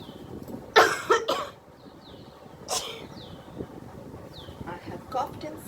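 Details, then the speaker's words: Simulated demonstration by a doctor of safe coughing and sneezing: a couple of loud acted coughs, then a single sneeze muffled into a tissue, with outdoor noise and birdsong. "What if I have a lipstick and I don't want to dirty my sleeve? So cough on your wrist."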